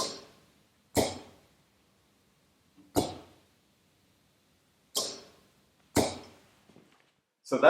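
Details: Prototype emergency ventilator that automatically compresses a bag valve mask, built for non-invasive positive pressure ventilation, set to 12 breaths per minute, I:E ratio 1:2, very low tidal volume. Sharp mechanical clicks with brief hissing releases every one to two seconds.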